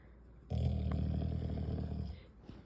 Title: Milli snores like crazy!